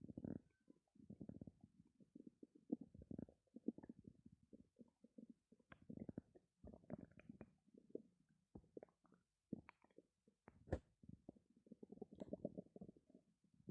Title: Stomach growling